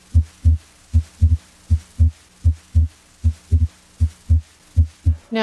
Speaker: try to identify the inspiratory splitting of s2 into its two components its first component a2 is from left-sided aortic valve closure its second component p2 comes from right-sided pulmonic valve closure